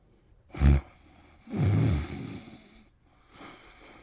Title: Pimples' Cute Snoring in 40 seconds